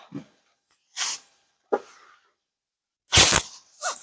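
Short, sharp hissing bursts, with one louder explosive burst that sounds like a sneeze, in a quiet room.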